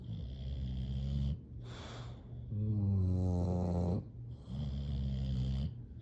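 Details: Deep, resonant, rumbling snores with a steady low rhythm from two sleeping English bulldogs; typical flat-faced dog snoring.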